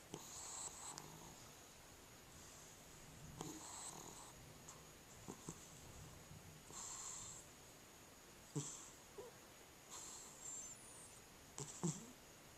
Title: Cat Snoring